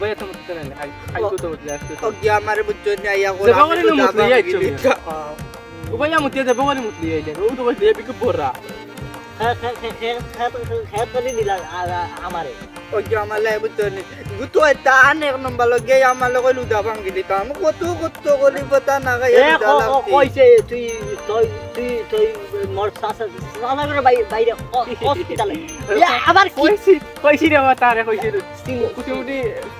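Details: Stutter acted for comedy by a performer playing a stuttering friend in a Bengali sketch; stuttering (acted).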